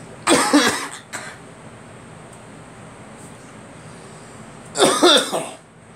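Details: Two harsh coughs a few seconds apart from an adult, with faint room noise between.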